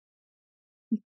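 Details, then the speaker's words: Adult man at home with a persistent, never-ending cough, heard in the background: one brief, muffled cough; dry cough. "But it is just a dry cough that is never ending."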